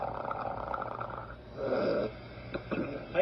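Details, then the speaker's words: Abdominal auscultation: near-continuous loud, high-pitched rushing and tinkling gurgles with brief bursts, signalling increased motility: hyperactive bowel sounds. "hyperactive bowel sounds are loud continuous high-pitched rushing and tinkling sounds that signal increased motility they sound like this"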